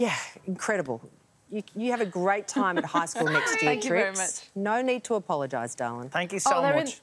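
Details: Adult woman speaking; Normal speech.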